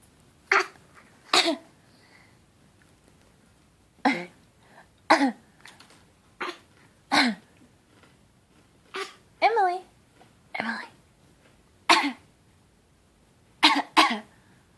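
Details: A child gives a series of about twelve short, deliberate fake (voluntary) coughs with brief vocal sounds.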